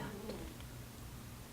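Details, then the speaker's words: A sleeping cat gives a soft, steady low rumble of gentle snoring in a quiet small room. "That's my cat snoring. You hear it?"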